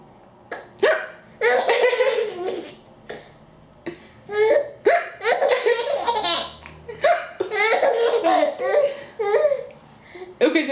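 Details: Baby laughing in bursts, broken by short, sudden catches of breath; hiccups interrupting laughter.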